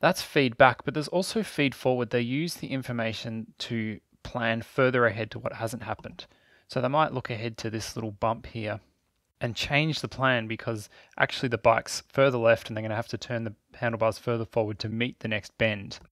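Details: Adult male narrator; normal speech.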